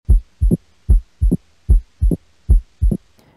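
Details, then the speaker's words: Adult male patient, stethoscope diaphragm over the four valve areas, including pulmonary (2nd left intercostal space, parasternal) and aortic (2nd right intercostal space, parasternal): regular paired lub-dub S1 and S2 at about 75/min, no murmur, opening snap or other extra sounds. Normal heart sounds. "Oke, dengan menggunakan setoskop, dengarkan regularitas bui jantung 1 dan 2 serta apakah ditemukan bising atau bunyi tambahan seperti opening snap,"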